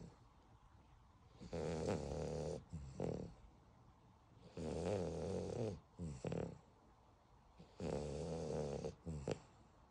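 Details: Sleeping beagle puppy snoring: loud rattling snores on each inhalation, each followed by a brief snort on exhalation, about 19 a minute.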